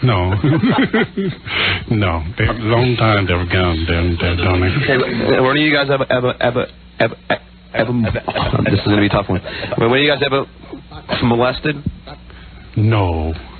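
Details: Stuttering in an adult male interviewer known for his stutter, asking questions at a March 1994 press conference; another speaker remarks on his stuttering just before his question.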